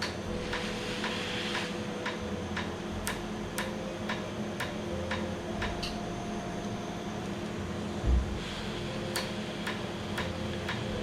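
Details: Laser tattoo removal after 30–45 minute numbing, with cooling air: sharp regular clicking pulses about two a second over steady machine hum and room noise.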